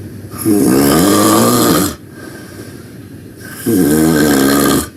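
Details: Loud snoring while taking a nap: rough, buzzing snores on each breath in, separated by quieter breaths out, two snores in five seconds.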